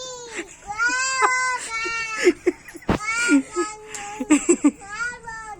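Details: Young child crying in long wailing sobs with catching breaths over quiet room noise; ordinary crying.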